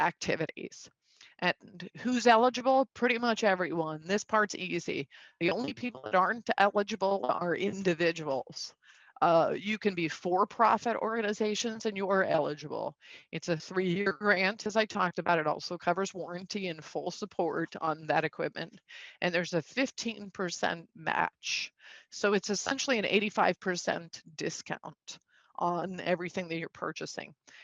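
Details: Adult woman with spasmodic dysphonia, a neurological vocal-cord disorder identified a couple of years after 2001 through a telemedicine consult, who also has Duane syndrome; says it is audible and acts up; spasmodic dysphonia.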